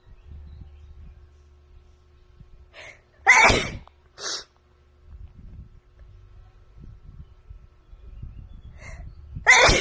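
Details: A woman sneezes again in her hotel room: two loud sneezes in quick succession and a third starting at the end, with short in-breaths before and low room noise between.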